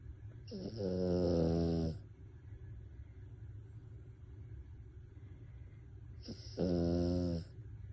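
Two loud, drawn-out, vibrating snores with a tonal, buzzy quality, several seconds apart, over a steady low room hum; snoring in a sleeping dog.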